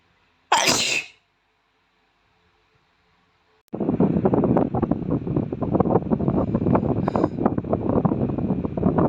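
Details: Young boy, close-up sneeze: single sharp sneeze burst followed by a long stretch of loud rustling or wind-like noise close to the microphone.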